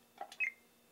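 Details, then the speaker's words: Florida Probe computerized periodontal probe on a mock patient exam in plaque mode at the distal buccal of tooth 4, operated by foot pedal: a soft click, then a short high electronic chirp confirming the recorded site. "we're in the plaque mode quick Taps advance advance to the distal Buckle of four hold and listen for plaque"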